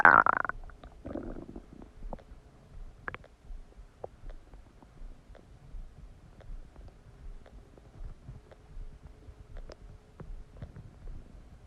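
Soft gurgles, rumbles and scattered clicks come from the abdomen after a meal: ordinary bowel sounds of digestion.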